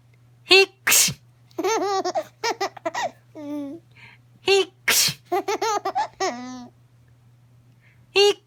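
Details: Two short, sharp baby sneezes, each followed by soft vocal sounds and squeals; an ordinary infant sneeze.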